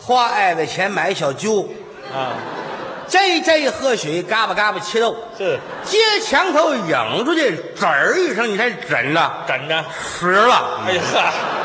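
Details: Comedic crosstalk performer imitating someone with a mouth defect while reciting a tongue-twister-like passage, with air leaking and slurred sibilants. Finding: lisp (imitated).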